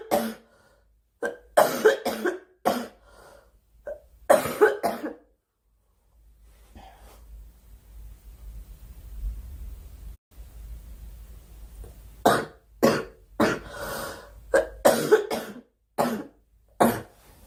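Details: Girl coughing during a live stream, wishing aloud for the cough to stop: two bouts of repeated short, sharp coughs separated by a quieter pause with low room noise; recurrent coughing fits.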